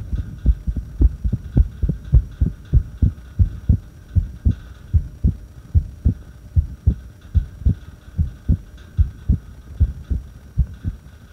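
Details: Irregular heartbeat recorded during a breath hold: low, dull thumps, roughly 74 a minute, in uneven pairs with gaps that lengthen and shorten.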